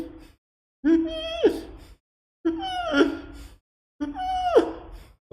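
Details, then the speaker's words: Adult imitation of inspiratory stridor, abnormal noise on breathing in, taught in the context of an infant presenting with it: three harsh, high-pitched crowing noises, each on a drawn-in breath. "what is inspiratory Strider while taking the breath inside there is an abnormal noise inspiratory Strider sounds like this"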